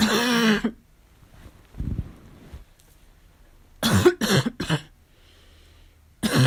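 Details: During a fall cold, harsh, abrupt coughs, a quick run of three then one more, with a hoarse, barking edge; barking cough.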